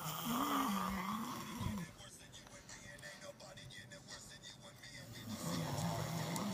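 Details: Two loud, buzzing, slightly tonal snores separated by a quieter pause with faint room noise; typical adult snoring.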